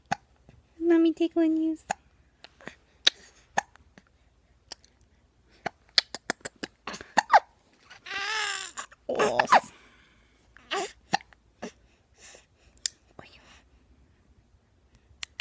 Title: Not happy ABout these hiccups